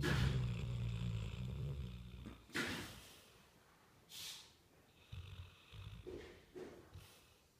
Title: Lamprador who snore